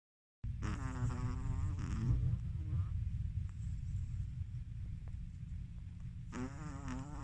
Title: This Chihuahua is in deep sleep and snores over and over (original sound)